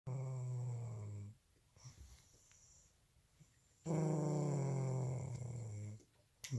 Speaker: This is why I can't sleep. And she says I'm the one that snores.